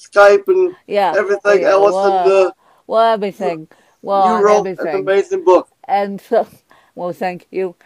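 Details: Adult man with cerebral palsy who reports a speech impediment, described as more marked than his guest's; dysarthria (cerebral palsy).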